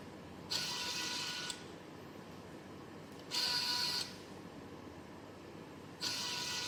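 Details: Repeated one-second bursts of motor whine at roughly 22 per minute, with quiet pauses between, as the arm of a homemade student-built COVID-19 e-ventilator, controlled by Arduino Mega and ESP32, cycles.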